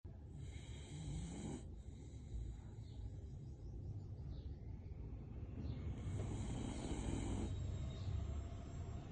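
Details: Sleeping pet: soft, low rumbling snores with each breath, with faint music and room noise behind; ordinary sleep snoring.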